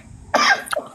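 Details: Cough: a single harsh, forceful cough burst followed by a shorter catch; a plain cough.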